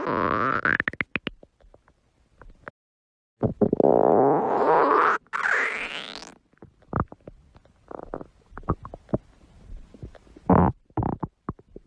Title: stomach growling